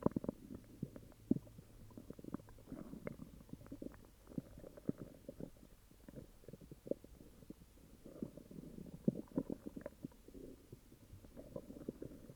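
Irregular gurgling, rumbling bursts throughout, loud bowel sounds of stomach growling with an upset stomach.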